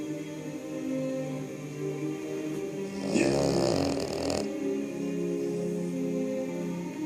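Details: Snoring from a sleeping red Boston terrier: one loud, rough, rumbling snore over steady background music and TV sound.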